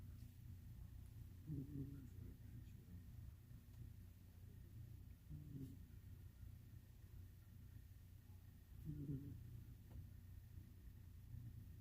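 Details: A sleeping black cat gives three soft, low, buzzing snores about every three and a half seconds over a quiet room rumble: ordinary snoring.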